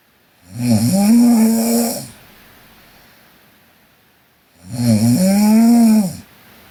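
Two loud, drawn-out, buzzing snores on the in-breath, about four seconds apart, in a quiet room; ordinary snoring.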